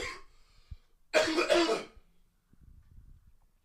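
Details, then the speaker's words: An adult with a cold that has worsened over the past week, tired and weaker, coughs near the microphone; the cough hurts. "I will try not to cough directly into the microphone but you know you will hear me cough like I'm feeling one coming right now excuse"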